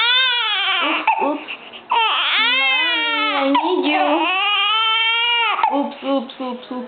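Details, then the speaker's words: Nine- to ten-day-old baby girl giving a hungry cry: loud, sustained, rhythmic newborn crying in long wails with brief catches of breath. "oops she's hungry mommy"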